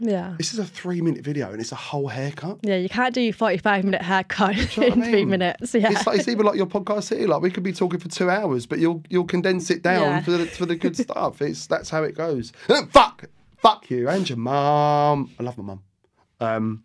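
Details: Tourette syndrome vocal tics with coprolalia in an adult man; tics began at 14 after a minor ski fall, motor tics first, then vocal tics 4–5 months later; involuntary, worse when nervous.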